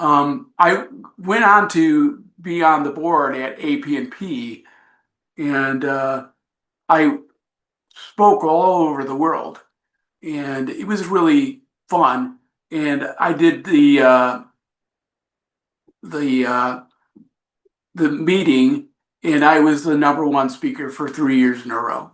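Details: Adult man with aphasia from traumatic brain injury after a biking accident, with coma, about 15% of brain lost and skull surgeries; he still has aphasia about 5 years later.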